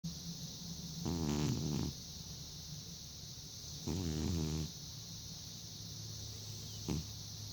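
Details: An old, arthritic cat snoring and dreaming while sleeping soundly on a heating pad.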